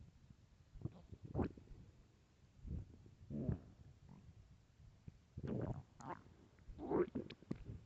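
Several loud gurgling, rumbling bursts separated by quiet gaps: stomach growling from hunger, a normal bowel sound.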